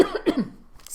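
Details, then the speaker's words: Two short, moist coughs bringing up small bits of sputum, from a person with bronchiectasis and NTM infection during lung clearance with nebulized hypertonic saline and a flutter PEP device. "it's finished okay so i've coughed up just a little bit there and a bit more just little bits now probably wouldn't be any good for a sample unless you were really desperate"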